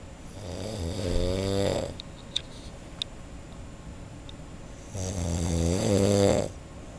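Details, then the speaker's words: Two loud, low rattling snores with quiet breathing pauses between them, from a man asleep in a dark room, heard from outside the room; snoring. "然后我们实验室的黑暗房里面有一位老兄正在肆无忌惮的打呼，传到我们外面来。"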